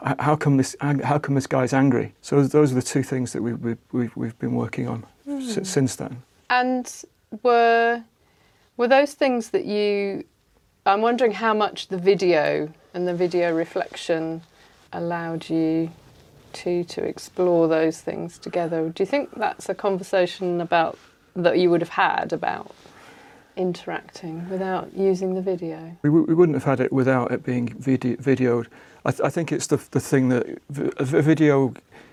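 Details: Adult man, former solicitor, with aphasia after a stroke about a year earlier, attending a conversation therapy group; frequent word and syllable repetitions and restarts: aphasia.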